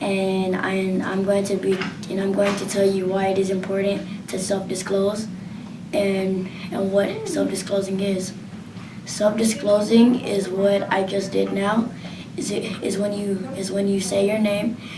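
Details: Child who identifies as a person who stutters; stuttering.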